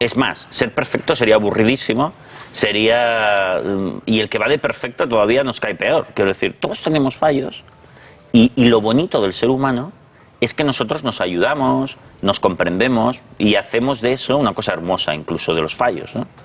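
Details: Adult man speaking Spanish; normal fluent speech.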